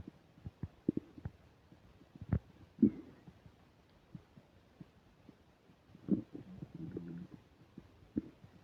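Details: Irregular gurgles, pops and short squeaky rumbles over a quiet background, recorded while eating a burger and fish fries: active bowel sounds (borborygmi).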